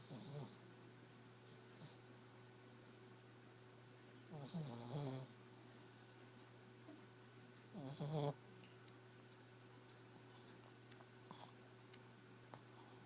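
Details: A snoring animal labelled a pig, also called a crazy dog and fat, makes low rattling snorts repeating every few seconds over a steady background hum; snoring.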